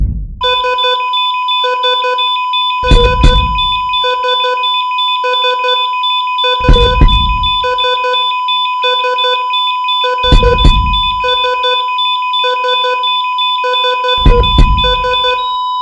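Rapid, regular electronic monitor beeps over steady tones and periodic low thuds, a synthetic hospital-monitor effect.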